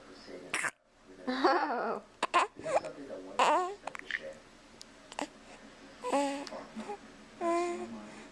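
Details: Infant who has hiccups: short, whiny fussing cries and babbling, broken by abrupt catches, in a quiet room; infant fussing cry.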